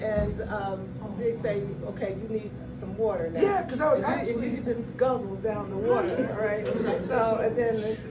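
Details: Adult speaker; ordinary speech.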